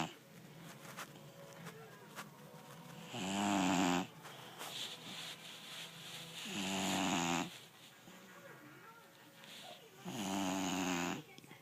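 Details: 5-month-old American Bully puppy snoring in a steady rhythm: three loud, buzzing, rattly inhalations at about 17 a minute, with quieter breaths between.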